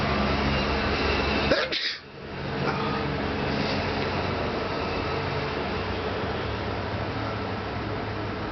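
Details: A single abrupt sneeze over a steady hum of machinery or air conditioning, then quiet room noise.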